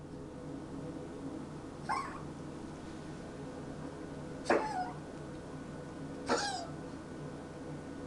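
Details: Cat coughing at 4 a.m., three short, dry, hacking bursts over several seconds against steady room hum; cough.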